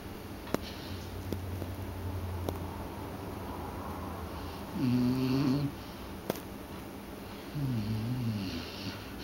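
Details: A sleeping dog gives two low, fluttering snores a few seconds apart, with quiet room noise between them: ordinary snoring.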